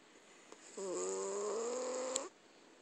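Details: Cat snoring while asleep in owner's arms on a couch: one long, steady, whistling snore lasting about a second and a half.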